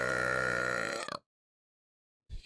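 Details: Long, loud voiced belch of about one second, then silence, from a livestreamer drinking on stream; burping.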